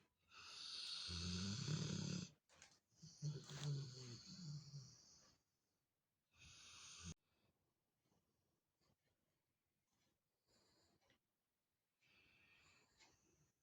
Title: Max snores while sleeping with his mom | Labrador | funny dog videos | .